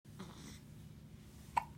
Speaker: , 2 weeks old today. It's May 29th, 2015, and he has the hiccups.